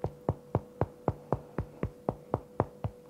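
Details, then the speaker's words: Demonstrator percusses over their own lungs, giving a quick run of hollow, low-pitched taps: a normal resonant percussion note. "so if you're percussing over your lungs generally you'll get resonant sounds and that sounds like"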